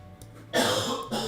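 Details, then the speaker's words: Single loud, rough, harsh cough burst from a person sick with a cold, over quiet background music. "poor alexar how harsh that cough sounds"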